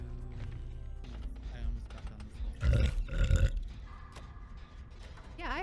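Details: Streamer burps: a loud, low, rumbling voiced belch over game music and background noise.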